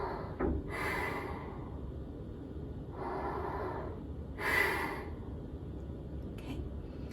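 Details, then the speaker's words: Three long hissing breaths several seconds apart, slow steady inhalation of entonox (50% oxygen, 50% nitrous oxide gas and air) through a demand-valve mouthpiece, demonstrated for coping with labour contractions. "so i'm just going to put the mouthpiece into my mouth and show you how you take the breaths"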